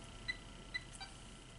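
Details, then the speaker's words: Alaris IV infusion pump in a skills lab demonstration, secondary piggyback rate set to 200 mL/hour, volume to be infused 100 mL: two short, high electronic keypad beeps as values are entered, quiet room noise. "So 200 an hour, enter, and the volume to be infused is 100 milliliters, so I'm going to put that 100 milliliters in,"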